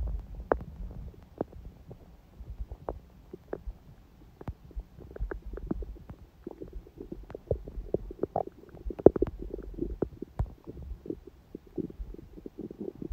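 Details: Quiet, gentle bowel sounds from the abdomen: soft irregular gurgles and clicks. Recorded on a day after a morning smoothie and salad, when hunger and digestion sounds stayed faint.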